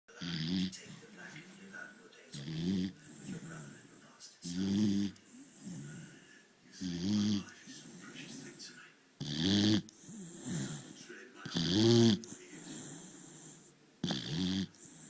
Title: Dog snoring